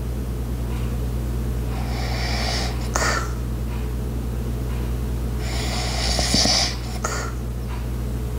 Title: light Snoring Sounds while other Sounds in da back ground #asmr #asmrsounds